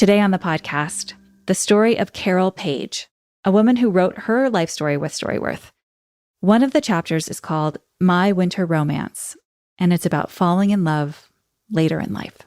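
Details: Adult woman, podcast host; typical speech.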